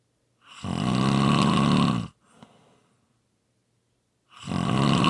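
Loud, long, rattling snores on the in-breath, with a quiet breath out between them, about four seconds apart.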